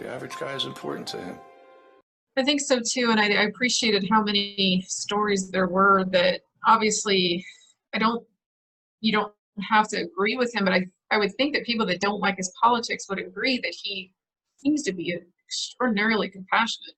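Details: Adult speakers, likely two in conversation; normal conversational speech.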